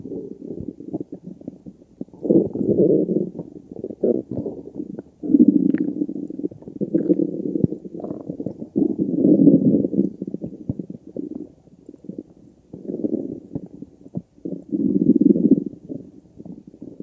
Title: stomach growling